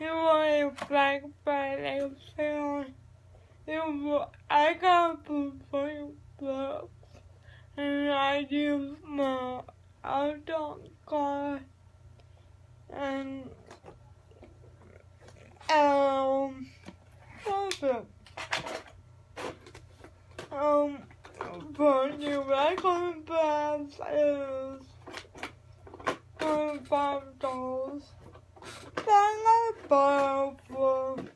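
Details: Adult speaker; dysarthria (cerebral palsy).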